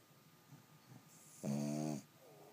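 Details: Boston terrier sleeping and snoring: one loud, buzzing snore on inhaling after soft breaths.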